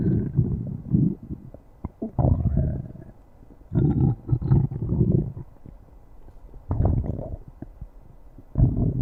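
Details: Stomach growling (borborygmi) from the abdomen.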